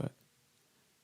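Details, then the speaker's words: A single brief, low, soft burp from an adult who says they are bloated and have stomach problems, followed by quiet room noise; eructation. "I just have so much going on I do I sorry that was a little baby burp"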